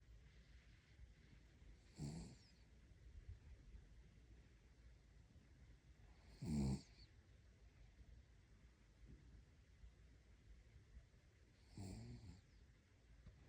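Three soft, short snoring breaths about five seconds apart, roughly 12 a minute, from a sleeping puppy: gentle snoring.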